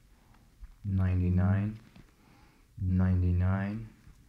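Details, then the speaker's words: Bronchophony test in a standardized patient saying "99" over the chest and back: two muffled, low voiced sounds, words not clearly made out; Eko electronic stethoscope, sound edited; normal, negative bronchophony. "I'm gonna go to those same places and I like you to say 99."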